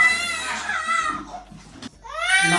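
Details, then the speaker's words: Loud, high-pitched crying in bursts with brief pauses for breath from one of sick infant twins during bath time in a small room; crying more than usual today. "हालांकि उसे इसमें बहुत आनंद आता है, वह इतना रोता है।"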